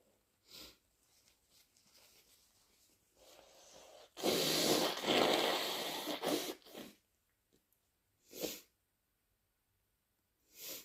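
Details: Person with flu, fever, bad cough and a raw throat; some sneezes self-induced. A forceful, wet, noisy burst with short snorting sniffs before and after, with nose blowing: sneezing.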